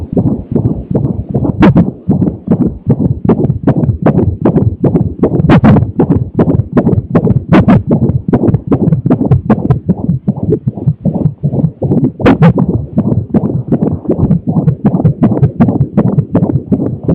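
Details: Rapid, regular whooshing thumps about 150 a minute, a fetal heartbeat recorded while the baby was having hiccups, likely via doppler monitor; fetal heartbeat.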